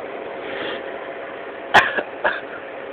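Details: A person sneezing right after announcing an upcoming sneeze: one sharp burst and two smaller ones against steady noise, a sneeze-like expulsion.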